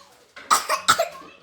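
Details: A 3-year-old girl with cystic fibrosis doing physiotherapy with an Acapella device gives two loud, forceful deliberate coughs to clear mucus after six blows, as part of an airway-clearance cycle.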